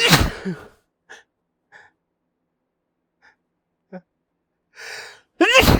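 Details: Soft hitching catches of breath build up between loud, forceful sneezes as the person tries to talk and hold them back and fails; sneezing bout.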